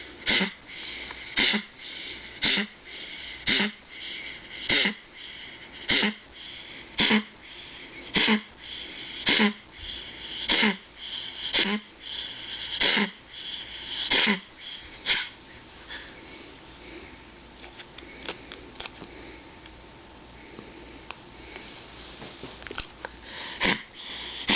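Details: A dog with a collapsing trachea coughing too much: a rapid run of harsh, honking coughs.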